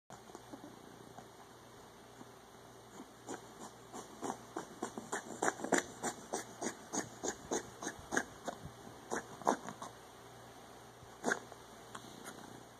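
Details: A cough.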